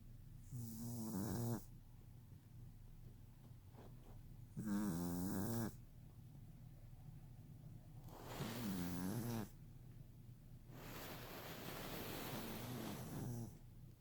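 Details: 11-week-old puppy snoring in sleep: loud rattling snores with noisy breaths between, about 16 breaths a minute.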